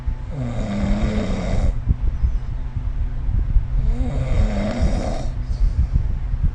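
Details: Sleep snoring recorded with the SnoreLab phone app: two long, low, rumbling snores on breathing in, about four seconds apart, over steady room noise.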